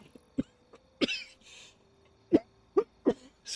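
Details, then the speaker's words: Adult with frequent coughing fits: a run of short, dry coughs and throat-clearing bursts, about five or six in a few seconds. "me again sorry about coughing so much in this recording it's really going to be the only way i may manage to make any recordings though so i kind of had to stick with that idea and these coughing fits happen too often and too quickly for me to catch myself"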